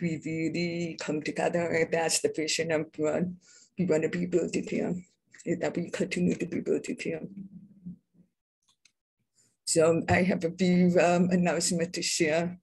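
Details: Adult deaf speaker who identifies herself as deaf with a deaf accent; deaf speech (deaf accent).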